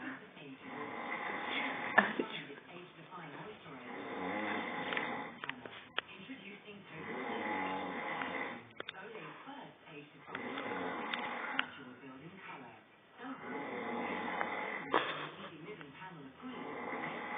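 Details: Father snoring: rasping snores with each breath, about 20 a minute, in a quiet room; ordinary snoring.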